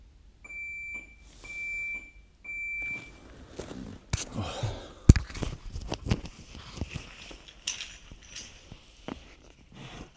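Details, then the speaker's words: Defibrillator low-battery warning: three steady high-pitched beeps, then room noise and handling sounds; the defib just needs recharging and its battery changing. "Turns out that beeping, if you could hear it, it was just our defib. Just needs a bit of a recharge."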